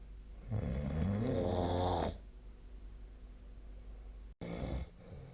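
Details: A long, loud, fluttering snore lasting over a second, then a shorter second snore after a pause; adult snoring during sleep.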